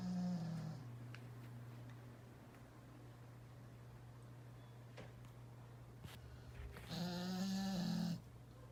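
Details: Sleeping Bull Terrier: two loud, rattling snores separated by quiet breathing, over a steady low room hum.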